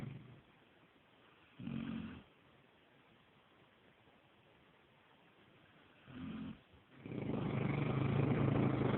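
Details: Low, rumbling snores from a sleeping Neapolitan Mastiff dog, two brief ones then a louder, longer one: ordinary snoring in sleep.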